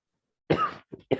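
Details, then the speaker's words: A single harsh cough, then two short throat-clearing coughs in a quiet room, from a professor during a lecture who says he has a little cough; an ordinary cough. "And for sorry, I'm having little bit of cough actually."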